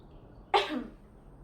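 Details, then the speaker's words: One short, forceful voluntary cough by a woman after a deep breath held several seconds, taught effective-cough technique before sputum collection in a nursing demonstration. "Pertama, tarik nafas dalam. Tahan ee selama beberapa detik, lalu batukkan. Silakan, Ibu coba."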